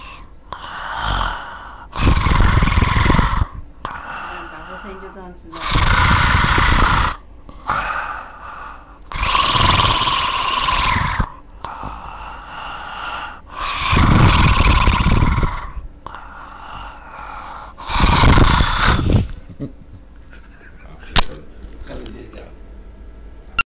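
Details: Severe snoring with obstructive sleep apnea in a man weighing over 100 kg who snores even while sitting, with exaggerated soft palate and uvula flapping: five loud, harsh, rattling snores about four seconds apart.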